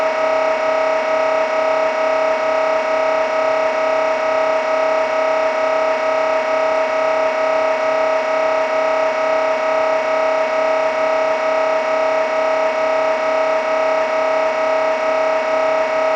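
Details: MRI scanner sample sound for patient preparation: loud, steady, buzzy droning tone with fast regular pulsing during imaging.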